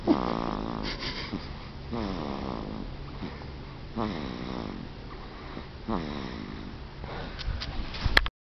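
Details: Sleeping subject recorded May 3, 2006: loud, regular fluttering snores on each breath, about one every two seconds, roughly 30 a minute; ordinary snoring.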